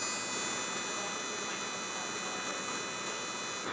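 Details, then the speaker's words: Steady high-pitched hiss with rapid faint pulsing and low hum, cutting off at the end: the excimer laser firing during real LASIK surgery, a normal noise accompanied by a small smell. "so the laser will make a little noise and a little smell those things are normal can we do a measurement perfect keep it keep it and here it is there's a small noise and a small smell those things are normal"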